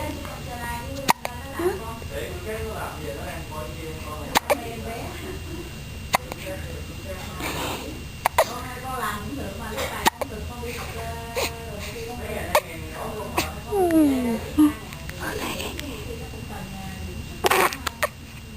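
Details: Infant almost 1 month old with a bad case of hiccups: sharp, brief hiccup clicks recur roughly every two to three seconds beneath adult talk in a small room.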